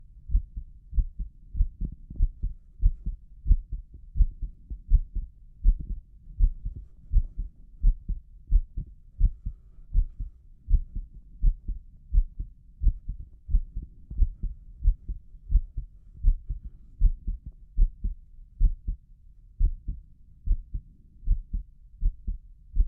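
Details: Own excited heart recorded by stethoscope at tricuspid area and apex: steady, low heartbeat thumps about 80 beats per minute.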